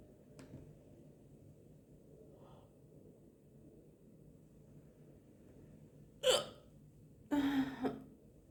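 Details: Woman hiccuping after lunch: two sudden, sharp voiced hiccups about a second apart in a quiet room.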